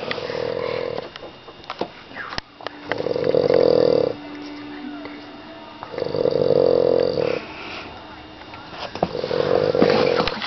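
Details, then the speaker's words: Adult woman (a mother) snoring in a downstairs bedroom, heard upstairs through a vent: three long, loud, droning snores about every three seconds; heavy snoring. "That would be Andrea's mom snoring downstairs in her bedroom. We can hear her all the way upstairs through this vent."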